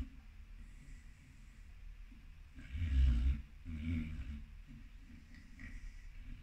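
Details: American Pit Bull Terrier snoring in its sleep while running in a dream: low, soft rumbling snores with two louder snorting breaths.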